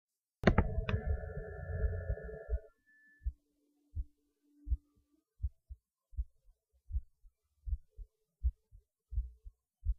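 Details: Normal heartbeat recorded during lunch after the person felt their heart beating harder while eating, which they say is usual for them. Steady, regular lub-dub at about 80 a minute, with no extra sounds; the rate is little changed.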